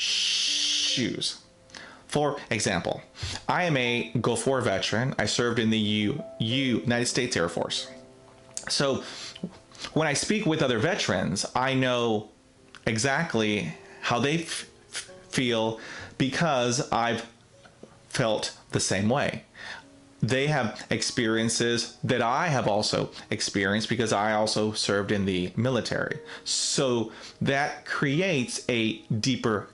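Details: Self-identified person who stutters, with part-word and phrase repetitions; stuttering.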